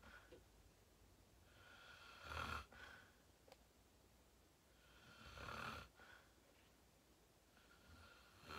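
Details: Loud, rough snoring from a sleeping adult in deep sleep after falling asleep quickly, with about three breath cycles in under nine seconds.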